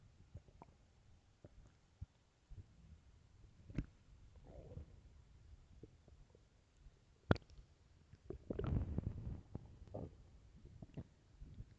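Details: Soft clicks and gurgles build into a loud rumbling growl, then fade to scattered bubbling: loud stomach growling, normal bowel sounds; borborygmi.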